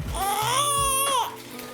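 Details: Brief cry from a baby girl at her first chiropractic adjustment, while being held and having her tummy checked: one rising then falling wail, with adult talk and light music around it.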